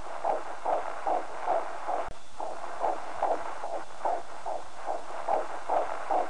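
Rapid, regular whooshing beats at about 145 a minute: a normal fetal heartbeat picked up by Doppler.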